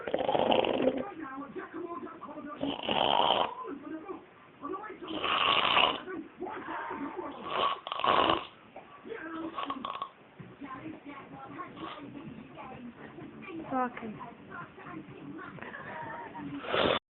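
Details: Person napping in deep sleep: loud, coarse snores roughly every two to three seconds, with quieter voices in the background; snoring.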